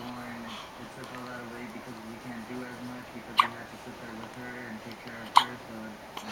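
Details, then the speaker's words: Hiccups in a 4-day-old newborn girl: two sharp, brief hiccups about two seconds apart over low background voices and room noise. "And she has the hiccups right now."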